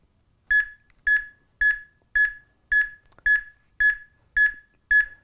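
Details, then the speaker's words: HeartSine 500 training AED on a mannequin: steady, even metronome beeps at about 110 a minute pacing chest compressions within the 100 to 120 target; AED CPR metronome. "it's got a metronome to keep you in time so you're doing 100 to 120 compressions per minute"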